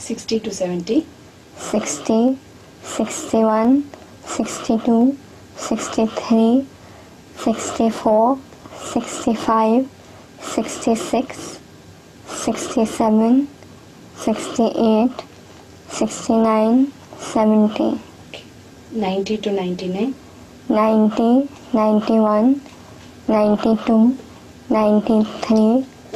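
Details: Person with cleft lip and palate counting, with audible nasal air emission.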